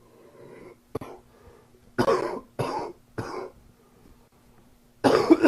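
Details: Adult with a summer common cold giving about five coughs, three close together then one more after a pause.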